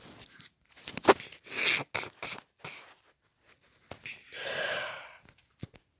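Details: Coughing from the person recording, heard during a casual video.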